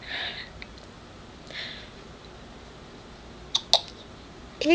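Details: Young girl with prolonged hiccups at bedtime, unable to sleep: brief, abrupt catches of breath, two close together near the end, against quiet room noise.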